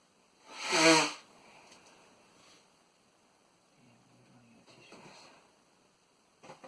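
One sharp, explosive sneeze followed by quiet breathing and a sniff: a single sneeze.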